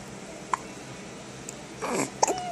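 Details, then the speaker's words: Two or three brief, sharp catches from an infant, typical of ordinary baby hiccups, with some rustling nearby. "You got the hiccups, so you mad?"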